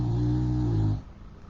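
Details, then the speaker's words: Dog taking its morning nap: a steady, low, buzzing snore lasting about a second, fading into quiet room noise: snoring. "I hope, well, you can probably hear Emma snoring, but sorry. She's taking her morning nap."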